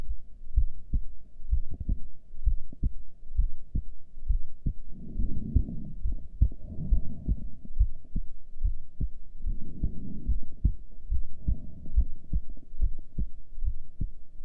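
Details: Normal heart sounds recorded during a breath hold, with a heart rate display: steady paired heartbeats at about 70 a minute with some soft rushing in the background.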